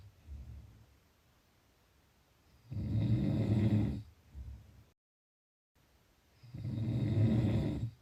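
Loud, low, rattling snores on each breath in, about 16 breaths a minute, with quieter breaths out between them.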